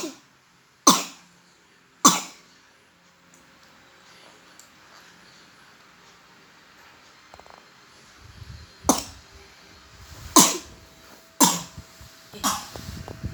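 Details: A toddler coughing through the night, to the point of vomiting: seven harsh, forceful coughs, two early and a closer run later, with quiet stretches between.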